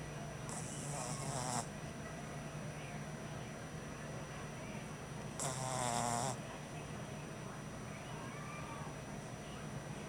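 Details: Two brief wheezy, snorting snores over a steady hum, about 13 breaths a minute, from an exhausted French bulldog puppy on his first night home; snoring.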